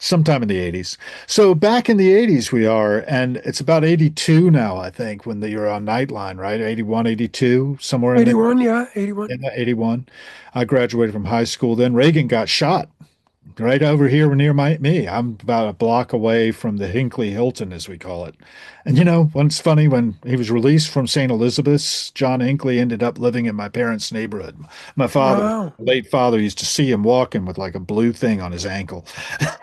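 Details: Adult male speaker; normal voice.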